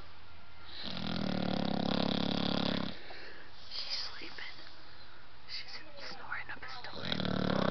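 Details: Blue nose pitbull puppy snoring: two loud, rough snoring breaths with faint TV voices and room sound between; dog snoring.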